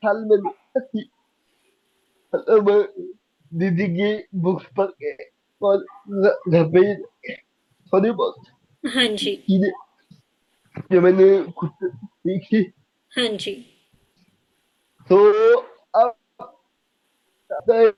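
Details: Dysarthria in a young adult man with cerebral palsy diagnosed at age 2; he could not speak as a child and still needs double effort to speak and cannot speak clearly.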